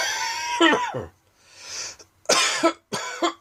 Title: Dry Coughing Fit in the Afternoon.